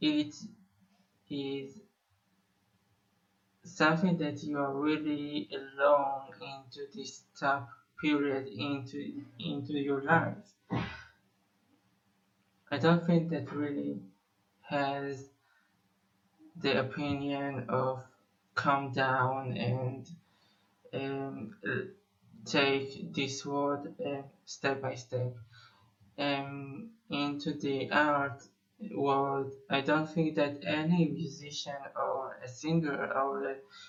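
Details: Musician who says he has been a person who stutters for almost 21 years; stuttering.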